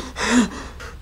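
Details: Person with hiccups who is being scared to stop them: a single sharp, breathy intake of air with a brief voiced catch, over faint music; a gasp.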